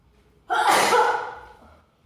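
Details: Single loud, explosive sneeze after a quiet start, then fading; an ordinary sneeze.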